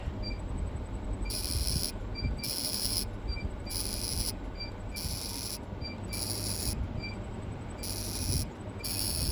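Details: Fractional CO2 laser firing during a real patient's acne scar treatment by a dermatologist: bursts of high hissing pulses with short beeps repeating about every second over room hum, with passes set to different parameters.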